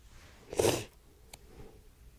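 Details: Person woke with repeated sneezing; a single sharp explosive sneeze in a quiet room followed by a soft sniff.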